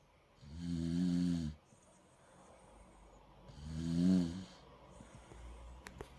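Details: Dog (Molly) snoring loudly during sleep, likened to a pig's snorting, with background music.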